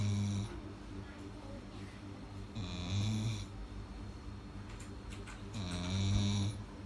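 Low rumbling snores with a whistling edge on each breath, about three to four breaths in view, in a quiet room.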